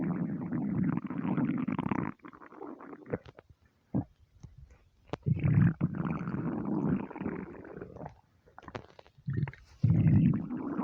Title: starving stomach rumbles